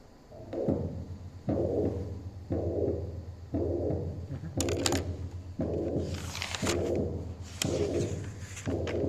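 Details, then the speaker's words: Teaching recording of a holosystolic murmur, occupying all of systole. "Este es un soplo que les voy a poner que es de característica sistólica completamente."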